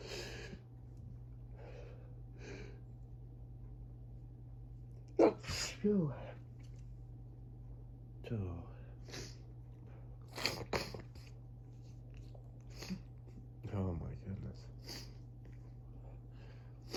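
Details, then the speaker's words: Allergic sneezing fit at about 6am during high grass-pollen season: several quick sneezes in a row, starting soft and growing stronger and wetter, with gasping breaths between, over a steady low hum. "Oh my goodness. Oh, rapid. Rapid. Oh, rapid sneezes."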